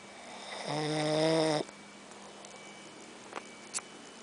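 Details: Adult brother asleep after a long day of work: one loud, buzzing snore on an in-breath, then quiet room noise with a couple of faint clicks; snoring.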